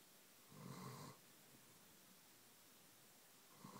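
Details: Year-and-a-half-old German shepherd sleeping on owner's lap, one low rumbling half-second snore in a quiet room, start of another at end; snoring.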